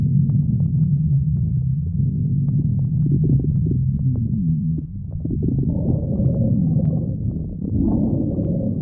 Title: stomach growling 2